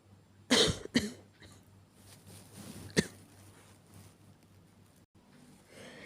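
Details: Simulated, acted cough from a young woman role-playing a girlfriend with a cough and fever: two quick harsh coughs, then a third, followed by quiet breathing.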